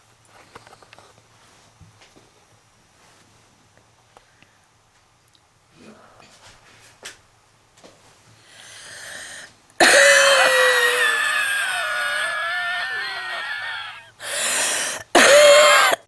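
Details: Person lying down smoking: quiet breathing, then a deep breath and a long, harsh, whistling coughing fit with wheezing.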